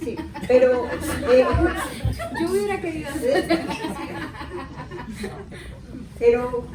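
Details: Aphasia in an adult woman, 13 years after a left-hemisphere cerebrovascular accident (ruptured aneurysm, haemorrhage); unable to speak, read or write for about a year and a half afterward.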